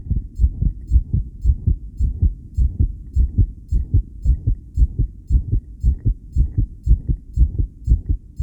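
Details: Self-recorded heartbeat via homemade electric stethoscope during 10-lead ECG after regulated breaths: strong, fast beats about 110 a minute, mostly steady with occasional irregular beats; tachycardia with extrasystoles, rhythm changes attributed to breathing.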